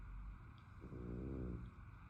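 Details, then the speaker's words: Sleeping French bulldog snoring: one low, buzzing, rumbling snore over steady room hum. "Cuqui estás rongando mucho."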